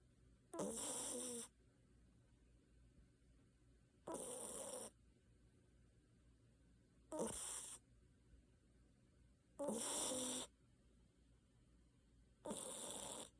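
Five rough, rattling snores at uneven intervals, roughly 21 a minute, with quiet breathing between them; ordinary snoring during sleep.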